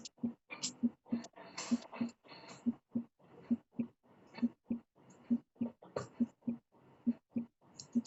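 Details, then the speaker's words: Teaching example found online, discussed in a heart failure case: heart sounds at about 67/min with a faint extra early-diastolic sound forming an S3 gallop rhythm, described as hard to discern. "Jadi sebenarnya kalau bunyi jantung bunyinya lup dup gitu kan. Nah, S3 itu dia suara tambahannya. Cuman ya itu memang agak sulit tahu itu dia ada S3 galop atau tidak."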